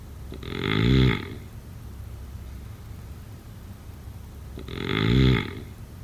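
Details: Two loud, low, rattling snores about four seconds apart, each on the in-breath, with quiet breathing between, roughly 14 breaths a minute; snoring during sleep.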